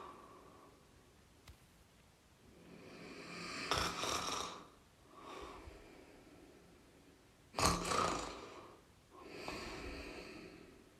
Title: Snoring sounds (1 Hour)